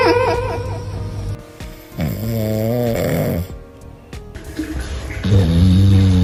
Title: Dogs snore when they sleep#dog #funny #hh #funnycats #fyp #dogsoftiktok #dogs